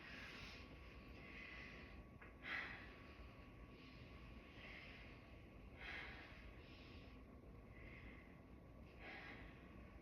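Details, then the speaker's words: Slow deep breaths through a stethoscope during a nurse's head-to-toe assessment, about three cycles of soft airflow on the anterior chest; lungs clear bilaterally with no added sounds; normal breath sounds. "me all right lungs are clear on the anterior side bilaterally"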